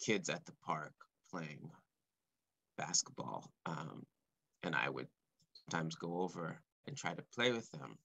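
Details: Adult man speaking live, stuttering since about age four or five, which he describes as blocks and repetitions; stuttering.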